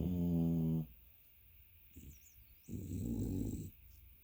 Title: blurry snore dogs